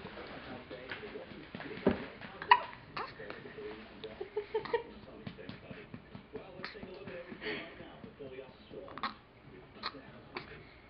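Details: Repeated short, abrupt hiccups from an infant, hiccuping for about 15 minutes, with adult voices and television in the background.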